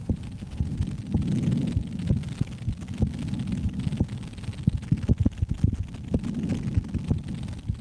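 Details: Adult woman's heartbeat heard through a stethoscope in a relaxation-style recording; normal heartbeat.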